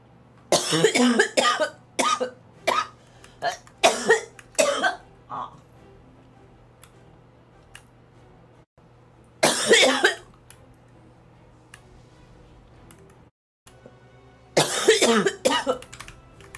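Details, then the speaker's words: Young woman on a Korean livestream with repeated, forceful, whole-body coughing fits in bursts with pauses, over soft background music; she says she had been suppressing the cough and it felt hard enough to taste blood. "어 약간 그거 뭐 그거 알아 이렇게 기침하다가 이거 여기 이렇게 내가 여기 보면은 막 피 피 있을 거 같아 그 약간 온몸을 다해서 기침을 하는 느낌이야"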